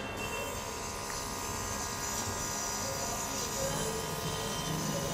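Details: Omron NE-C803 compressor nebulizer running: steady loud buzzing hum with hiss, continuous; normal operating sound.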